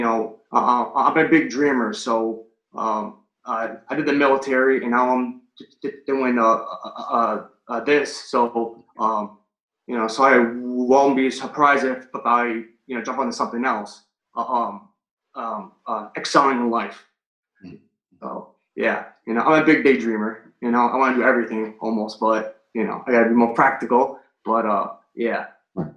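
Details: Adult male firefighter paramedic and Marine Corps veteran, stuttering since third grade, recorded before starting stuttering coaching (stuttering).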